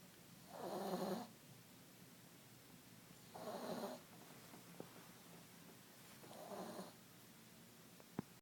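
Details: Sleeping cat snoring softly and rhythmically, about one breath every three seconds, over quiet room noise.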